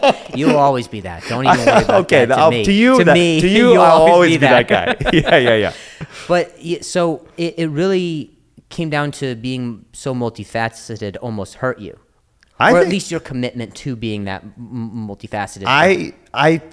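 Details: Stuttering in an adult male comedian known for his stutter, in spontaneous speech with word and phrase repetitions.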